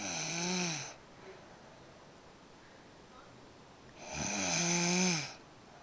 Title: Snores. Lmao!